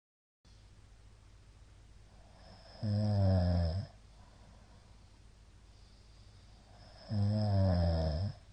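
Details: Middle-aged man's snoring, recorded 2022-02-23: loud, low, rattling snores on inhalation with long quiet gaps; number of shallow hypopneas suggests sleep apnoea syndrome (suspected).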